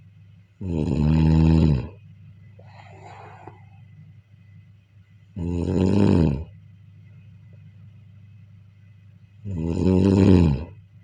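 Three deep, throaty snores about four seconds apart, around 14 a minute, with a soft breath between and a steady background hum: sleep snoring.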